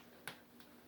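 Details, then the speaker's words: A single sharp crack then a faint second click as a knee is bent on purpose, cracking on command; harmless knee joint cracking (crepitus). "hello everyone this is me just uh you know cracking my knees because i feel like it's a there's a cool talent so like watch this"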